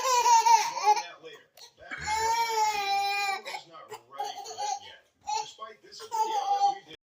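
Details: Infant boy in his bouncer, around burping: short, fussy crying bursts with pauses between them in a small quiet room; an infant cry.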